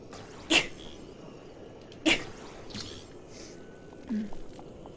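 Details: A girl gives two sharp sneezes about 1.5 seconds apart, then a smaller burst, over quiet room noise; the compilation mentions sneezing possibly induced by nose swabbing; sneezing.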